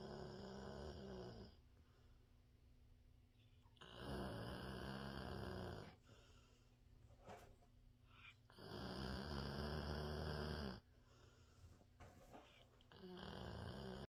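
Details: Pet snoring: loud, rough, rattling snores in long bursts every few seconds, with quieter breathing between; ordinary snoring.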